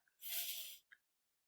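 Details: Interdental lisp demonstration, tongue tip protruding between the teeth instead of resting on the lower front teeth; enlarged adenoids with open-mouth posture mentioned as a cause; interdental lisp.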